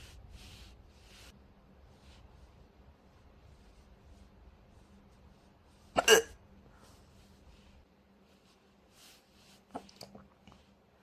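A single sharp hiccup in a quiet room, followed by a few softer catches; hiccups.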